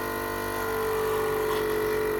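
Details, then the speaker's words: Oral-care suction machine with canister and tubing, switched on and tested by dipping the tip in water: constant motor hum whose pitch shifts slightly as it draws in water; suction machine running. "when I do on I can literally hear it's sucking I've already connected to crush to it which comes in these 24-hour kids so I'll test it in the water"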